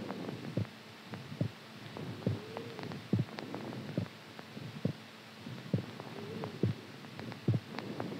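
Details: Steady, regular lub-dub heartbeat at about 70 a minute over faint background hum; normal resting heartbeat, described as strong during sleep.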